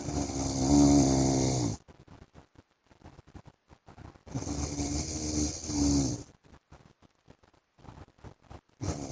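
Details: Loud, harsh rattling snores on each breath in, about 13 a minute, with quieter breaths out between, from a sleeping adult man; heavy snoring.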